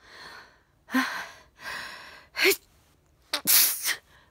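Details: Sharp, breathy inward gasps and snorting breaths building before a sneeze felt coming on all day, recorded before bed; gasping.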